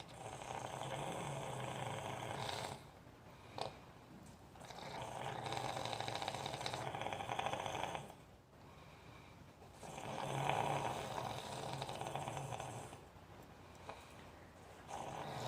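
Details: Snoring: loud, rough snores on each slow breath, about 12 a minute, with quiet gaps between them.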